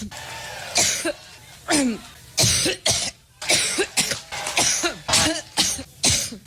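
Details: About a minute of continuous coughing: repeated harsh coughs in an unbroken run, a sustained coughing fit.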